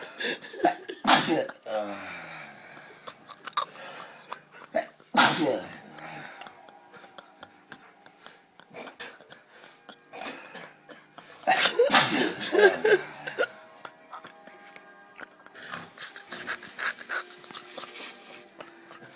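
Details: Drunk man sleeping with objects inserted in his nostrils: three loud, explosive sneezes several seconds apart, with quieter breathing and background noise between; sneezing.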